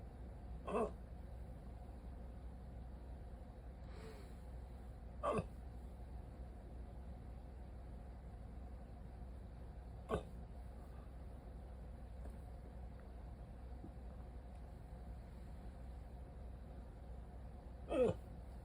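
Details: Rare 14-minute hiccup attack after waking from sleep with a CPAP mask: brief, sharp hiccups roughly every five seconds over a steady low hum; prolonged bout of hiccups.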